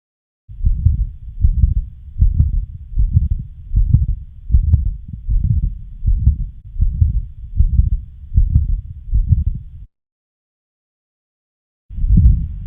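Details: Low heart sounds at about 78 beats per minute with a rumbling murmur that never fully stops between beats; continuous machinery murmur of patent ductus arteriosus.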